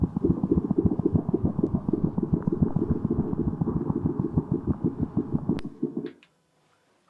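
Rapid, regular soft thumps at roughly 200 beats a minute, paired sounds running close together; normal cat heart sounds at a rate typical in clinic.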